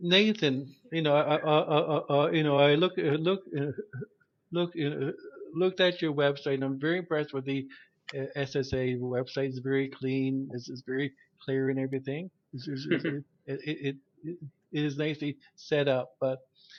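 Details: Adult male who stutters, with repetitions of sounds and words; stuttering.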